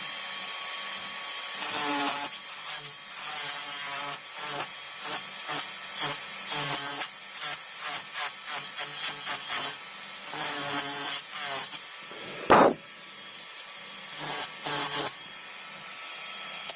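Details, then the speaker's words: High-speed dental drill with flat-ended, tip-diamond end-cutting bur, continuous whine with grinding bursts, removing thin enamel lips to form rounded shoulder margins on a mandibular first molar (#36) on a typodont for a full veneer crown. "So this burr could be used to eliminate the lip of the enamel. For example, like so we can use such a burr to completely eliminate those thin enamel lips."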